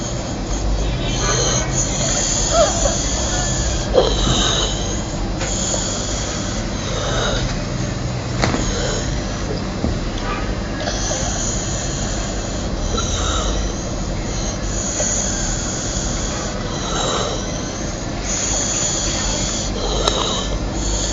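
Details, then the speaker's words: 6-year-old boy with a 2-month history of stridor, preceded by dry cough, from laryngeal polyps and granulation tissue due to a migrating foreign body; tachypnea, retractions, diminished equal breath sounds; rapid harsh breathing on both phases: biphasic stridor. "At presentation, the patient had tachypnea, biphasic stridor, suprasternal and sternal retraction. Breath sounds were diminished bilateral but equal."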